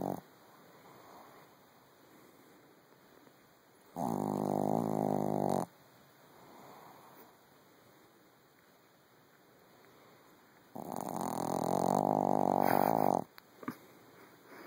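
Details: An animal snoring in bed: two drawn-out, fluttering snorts on the in-breath about seven seconds apart, with quiet breathing between; snoring.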